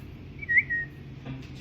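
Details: A brief, sudden high whistle, a vocal tic of Tourette syndrome, breaks out in class over a teacher's chemistry lecture.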